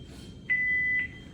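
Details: Philips HeartStart defibrillator during operational check: two short electronic beeps running into one steady tone, confirming exit from clinical mode.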